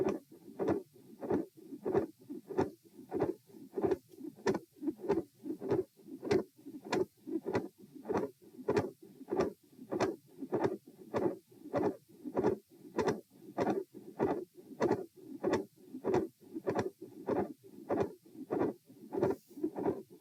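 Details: Midsystolic murmur with split S2, auscultated at position T during a posture stress test (lying, sitting, standing, lying): fast, regular heartbeat near 95 per minute with a murmur and a split second sound.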